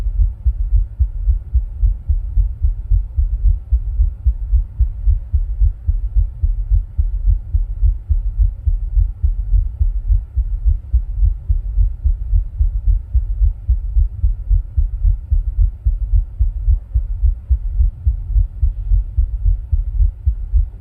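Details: Own heart sounds recorded with ECG while rebreathing into a plastic bag: steady low thumping, regular heartbeat at about 110 beats a minute under a constant low hum.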